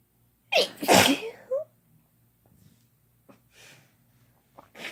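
A loud explosive sneeze with a sharp intake of breath, then quieter breathing and small sounds; an ordinary sneeze, here triggered by a sneeze-inducing powder.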